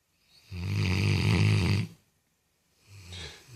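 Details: Dog snoring: a loud, deep, rattling snore on the in-breath, then a quieter second snore.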